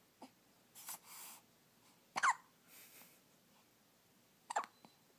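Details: Newborn baby with hiccups: abrupt, sharp little gulping catches in a quiet room, three or four hiccups with soft breaths between.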